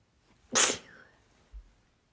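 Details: Female, part of a nonstop series of 23 breathy, breathless sneezes: one sharp, hissing, breathy sneeze, then a soft thump; sneezing.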